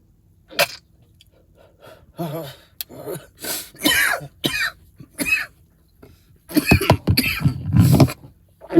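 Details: Adult repeatedly coughing after inhaling smoke: a run of harsh, explosive coughs with throat clearing between bursts, heavier and more chesty toward the end.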